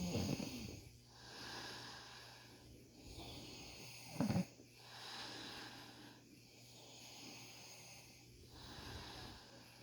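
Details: Man having tough ingrown beard hairs treated, snoring: soft, irregular breathing noise with one louder snort over steady room hum.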